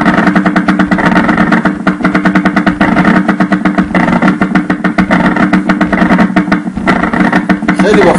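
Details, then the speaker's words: Needle EMG: two superimposed myokymic discharges firing very close together, one resembling a polyphasic MUAP but spontaneous rather than voluntary; continuous rapid rumbling bursts like a running engine; myokymic discharges. "Here we have two myokymic discharges that superimposed together The second wave in the clip, is very similar to a ployphasic MUAP."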